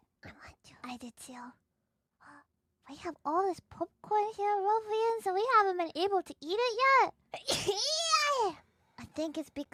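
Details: High, playful speech broken by one sharp, squeaky voiced sneeze from a VTuber during a stream, with light music in the background; sneezing.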